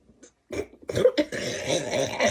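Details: A few harsh, throaty bursts, like coughing or a forced burp, running into a rough, strained vocal sound; coughing during a Sprite challenge after drinking the fizzy drink, and the drinker says it hurts.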